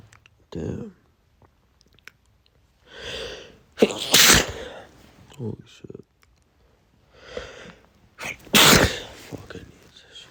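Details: Desperate allergy sneezing in a male: two forceful sneezes, each preceded by a sharp gasping breath, with sniffing between; repeated allergic sneezing.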